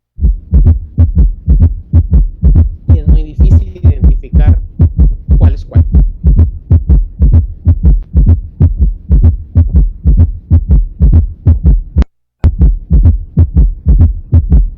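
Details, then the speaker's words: Summation gallop: regular heartbeat near 63 a minute with extra sounds giving a galloping, running-horse rhythm, typical of severe decompensated heart failure. "si escuchas así esposa un caballo corriendo otro bueno ya está corriendo este es un galope suma"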